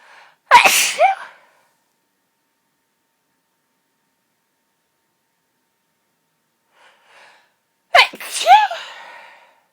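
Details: Two itchy, tickly allergic sneezes, attributed to pollen, each with a sharp inward catch and explosive burst.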